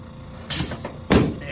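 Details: Two short sharp pops about half a second apart during a chiropractic lumbar adjustment on a female patient: joint cavitation.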